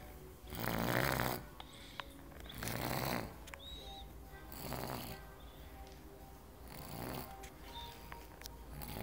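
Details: Loud, rasping snores on each breath, about four in nine seconds, with quieter breaths between; snoring.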